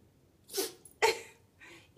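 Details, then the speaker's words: Two sharp hissing sneezes then a fainter third snort from a Yorkie dog; owner attributes sneezing to allergies. "you got that you got the allergies lucy you got the allergies god bless you god bless you"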